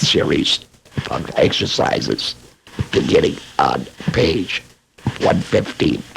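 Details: Adult laryngectomee speaking; esophageal speech after laryngectomy.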